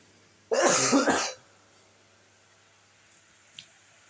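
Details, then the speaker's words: Cough from a speaker who says they are sick, recorded while reading a report aloud: a single short burst of two or three harsh coughs in a quiet room, then silence. "mohon maaf apabila saya ada terdengar suara batuk-batuk itu saya lagi sini lagi sakit"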